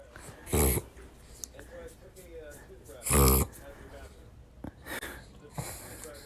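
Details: Female Chavachon (Cavalier King Charles spaniel × bichon frise) dog, reverse sneezing since puppyhood: two loud, harsh snorting bursts a few seconds apart; owner notes cause unknown, possibly allergies if frequent.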